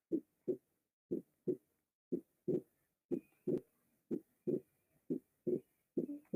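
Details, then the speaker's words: Regular paired heart sounds at about 60 a minute with the second sound briefly doubled: physiological splitting of the second heart sound. "entonces este desdoblamiento del segundo ruido puede ser fisiológico puede ser permanente y fijo"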